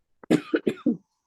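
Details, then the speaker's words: Person imitating a dog's cough: a brief series of soft, huffing puffs, described as typical of dogs with aspiration pneumonia. "the dogs with aspiration pneumonia often it's it's a really like huffing kind of puff isn't it seen those"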